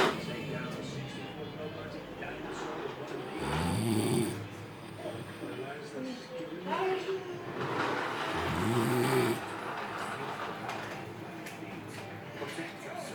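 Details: Sleeping adult man passed out after heavy alcohol drinking; partner suspects sleep apnea with brief breathing pauses. Loud, rough snoring breaths rising and falling through room noise; heavy snoring.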